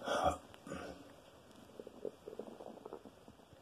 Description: My stomach is making loud noises today. Some days are louder than others.